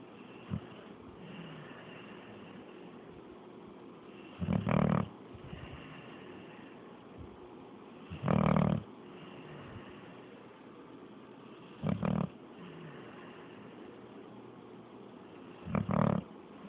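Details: Loud rattling snores, about four in 17 seconds, from three sleeping Pitbull dogs lying on each other in uncomfortable-looking positions, over a quiet room hiss.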